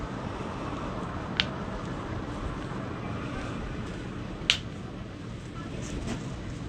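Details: Chiropractic manual therapy with spinal twisting adjustments, here at the fingers: two sharp isolated cracks a few seconds apart over steady room hum; harmless joint cavitation (knuckle cracking).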